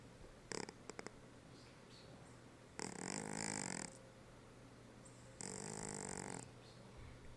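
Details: Loud snoring: two long, rattling snores of about a second each, separated by quiet pauses, with a few short clicks beforehand.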